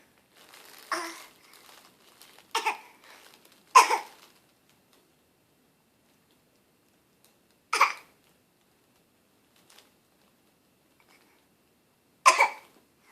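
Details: Young child gives five short, deliberate fake coughs, spaced apart in a quiet room at 6am, to get a parent's attention. These are voluntary coughs, not from illness; the parent says the child is not sick.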